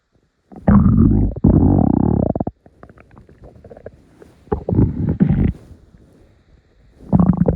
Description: Here are some morning rumbles for you all to enjoy.